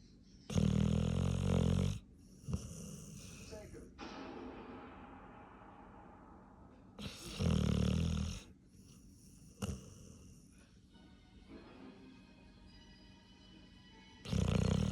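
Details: Female pit bull dog asleep, said to snore louder than an adult man: loud, deep, rattling snores on the in-breath, spaced by quieter out-breaths, about four per minute: snoring.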